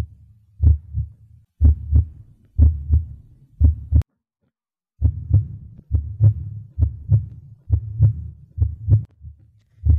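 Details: Virtual-reality auscultation training app: regular paired low heart thumps at about 60 beats a minute through a virtual stethoscope, simulated normal heart sounds with no added sounds.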